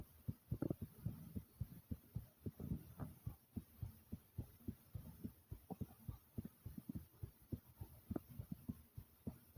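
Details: Fast, loud heartbeat recording, with rapid low thumping at about 107 beats a minute over a faint background hum; fast heartbeat.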